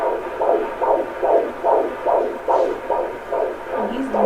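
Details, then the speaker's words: Doppler at a doctor's office picking up an unborn brother's heartbeat in a pregnancy with two babies: rapid, regular whooshing pulses about 145 a minute, likened to a treadmill; fetal heartbeat. "were you happy to hear your brother's heartbeat was it neat it was kind of like you're going on a chair though it sounded like someone had a treadmill"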